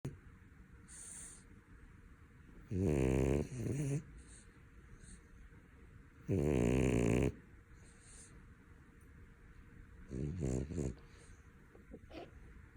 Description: Grey dog tops the charts with his snoring abilities!!!